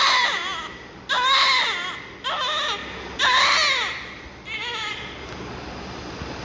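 Four strong, clear, rising-and-falling cries from a newborn with good breaths between them; a normal healthy cry.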